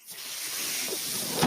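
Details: A steady, airy hiss swells toward the end: the rushing airflow of a person's own mechanical ventilator delivering a breath, heard while they record speech.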